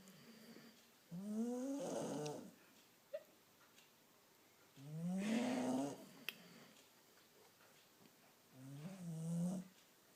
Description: Haha my dog is really weird and she snores.